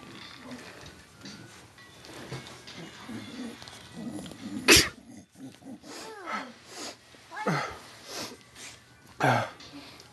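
Two sharp, explosive sneezes stand out against a background of soft snuffling and household noise.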